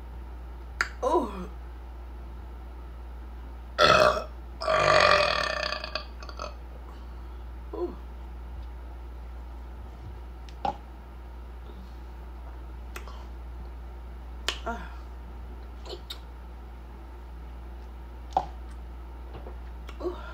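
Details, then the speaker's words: A few loud burps from an adult woman finishing a cup of soda after a meal, with small clicks and mouth noises between them; eructation. "I'm going to finish this cup of pop, though. So let off a couple more burps. And then I'm going to go hit my bed."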